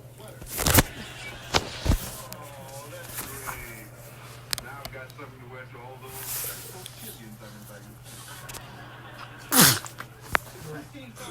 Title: woww we vibing and nephew accidentally sneezed on me look at face i made 😂😂